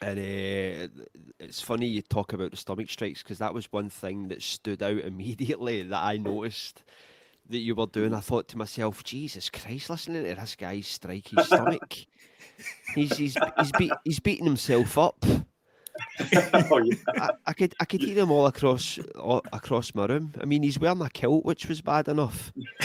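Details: Adult man; typical speech.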